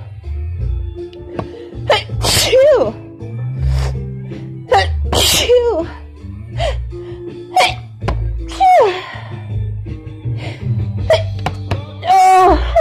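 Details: Sneezing fit in an adult with cold remnants plus allergies and a lingering tickle: four forceful, voiced sneezes in quick succession over quiet background music.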